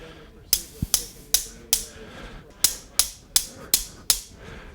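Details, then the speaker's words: Bilateral femoral derotational osteotomy surgery: nine sharp metallic taps, about two per second with a short mid-series pause, as a mallet drives the intramedullary rod across the osteotomy site and impacts it into the femoral canal. "Okay, so now we're going to drive the medullary rod across the osteotomy site, and then we're going to tap that down into the canal and impact it into place."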